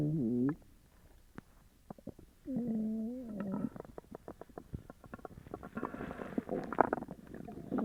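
Loud gurgling and squeaky tonal rumbles from the belly, then a bubbling stretch: stomach rumbling, here from an upset stomach after eating.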